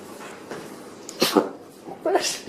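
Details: An animal sneezing in a small room, heard as a few quick, sharp bursts of air from the nose; sneezing.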